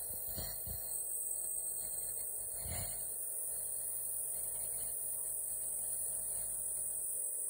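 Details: Nebuliser given for "colc" and cough, running continuously: steady mechanical hum and high hiss, with a couple of soft knocks early on.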